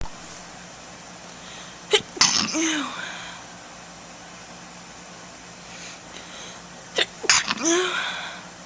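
Two sneezes, each a quick inward catch followed by an explosive burst, heard against steady room hum; sneezing.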